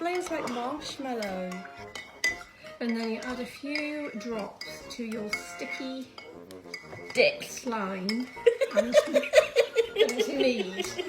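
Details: Person with Tourette syndrome; a possible vocal tic occurs during speech.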